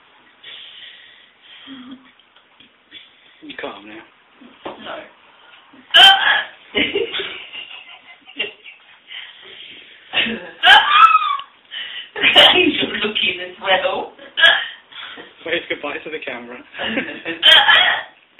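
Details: Woman hiccuping: repeated sharp, abrupt voiced catches, some squeaky, recurring irregularly between vocal sounds and whimpers; hiccups.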